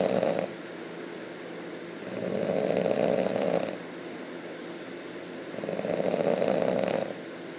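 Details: Loud, deep, rumbling snores repeating about every three to four seconds over a steady noisy background; heavy snoring.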